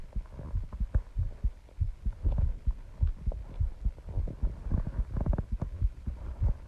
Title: My Heartbeat Sounds I can feel my heart pounding